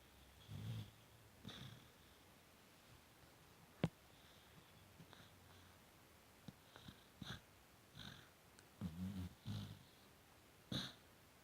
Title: Fudge snoring and dreaming a little